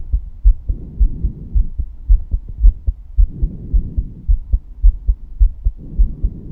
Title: Female heartbeat sound